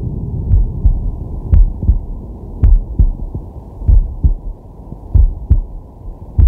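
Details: A man relaxing or sleeping, recorded with a digital stethoscope on his chest: steady, regular 'guh-gunk' heartbeats with deep inhales and exhales audible. Normal heart sounds.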